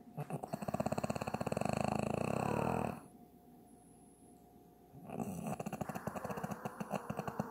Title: She is snoring